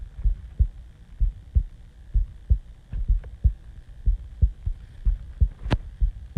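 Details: Person's own heartbeat recorded after waking from sleep; steady, low paired lub-dub thumps at about 63 beats a minute, regular, with a brief background click.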